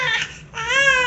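A young infant cries in two high, strained bursts, in keeping with the persistent crying of infantile colic.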